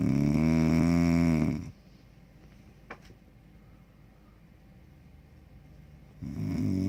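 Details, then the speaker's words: Wife snoring loudly, said to sound like a chainsaw: a loud, rough, rattling snore on an in-breath, then a quiet pause before the next snore; heavy snoring. "I'm supposed to go to sleep myself, but she sounds like a chainsaw, and I don't know if I'm gonna be able to get to sleep tonight."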